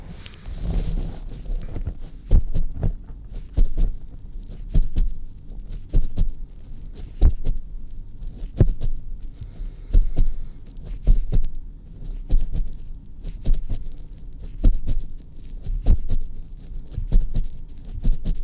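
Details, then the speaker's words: Simulated heart sounds during an acted male doctor roleplay of a cranial nerve exam: steady, low, muffled heartbeat thumps heard through a stethoscope, about 48 beats a minute. "okay so go ahead and have a listen to your heart so if you will please okay allow me to a quick listen here"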